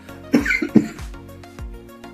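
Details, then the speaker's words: Adult with a persistent, severe cough almost three weeks after having COVID, coughing while working in a bike workshop. "as you can hear still got horrible cough almost 3 weeks after having coid"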